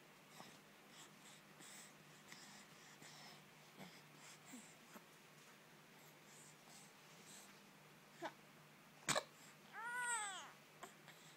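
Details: Cat gives a single sharp, explosive sneeze, put down to ashes in the air and said to be fine, then a brief high, rising-falling meow-like call; sneeze.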